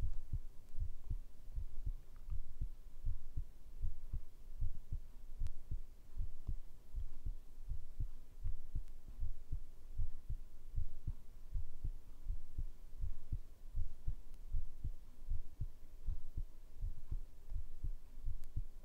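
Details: Steady low thumping heartbeat, about 78 beats a minute under a soft hum, recorded as ASMR heart sound; normal regular heartbeat.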